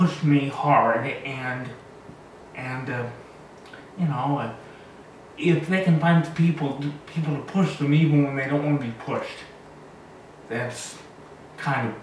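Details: 36-year-old man with cerebral palsy, born two months premature, self-described as very high functioning; dysarthria (cerebral palsy).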